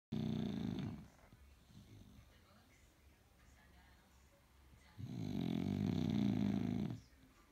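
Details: Dog snoring heavily during sleep: two loud, rough, rattling breath sounds separated by quiet breathing.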